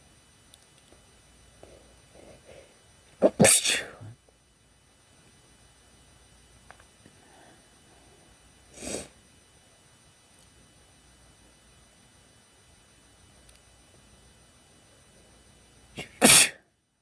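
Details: Male sneezing: three separate sharp, explosive sneezes spaced several seconds apart in a quiet room.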